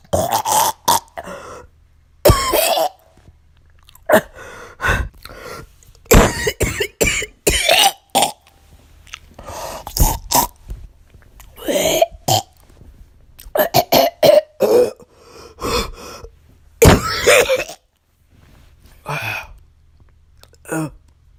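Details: Simulated wet productive cough: an acted girl's series of wet, gagging coughs and throat clearing imitating phlegm, made as a sound effect.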